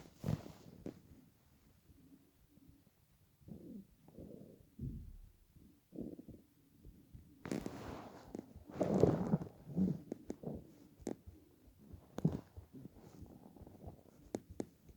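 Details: Irregular low gurgles and rumbling bursts from the belly of a person lying on a bed after about 28–30 hours of fasting to lose weight: hunger stomach growling.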